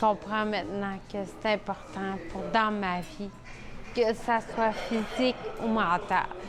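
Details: 41-year-old woman with Friedreich ataxia, a rare degenerative disease from frataxin deficiency in nerve cells, gait changes from age 12–13, diagnosed at 22, with balance, coordination and speech affected; ataxic dysarthria.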